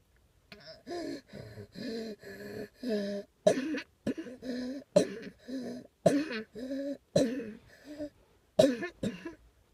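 Repeated short voiced coughs, about fourteen in a steady run, with brief gaps between them.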